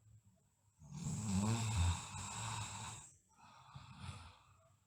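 A low, rattling snore on a long breath in, followed by a softer breath out, from a sleeping child.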